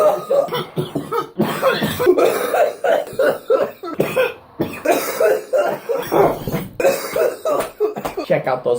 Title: Guys smoke weed but its only the breathing and coughing